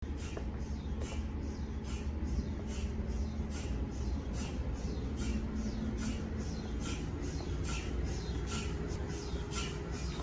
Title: What's the strange chirping sound in MRI scanners? #mri #space #science